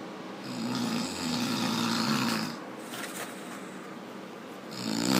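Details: Loud, rough, rattling snore on a long breath, followed by quieter breathing and the start of another snore.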